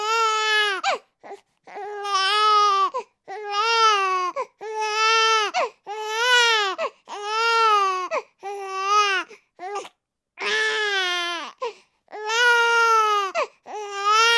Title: [사운드샘플]아기 울음소리 The Sounds of the crying baby, sucking a baby bottle and whining of a baby |영싸파